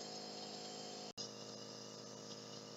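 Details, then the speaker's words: Home nebulizer breathing treatment given to a child taking deep breaths: steady compressor hum with hissing mist and a brief dropout as it begins to sputter near the end of treatment. "You'll know that your nebulizer treatment is about over when you begin to see the steam stop and it begins to sputter."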